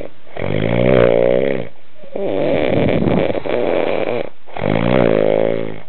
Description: a snoring bloke